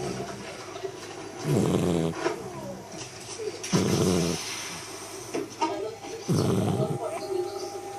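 Three rough, rumbling snores from a sleeping puppy, about 25 a minute, with quieter breathing between them.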